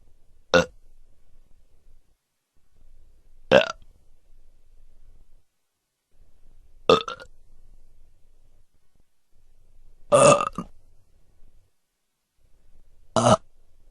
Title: Burping SFX